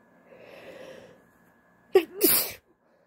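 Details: An adult female's induced sneeze, provoked with a hoodie string: a soft drawn-in breath, then a sharp catch and a wet, partly held-back burst of air; a stifled sneeze.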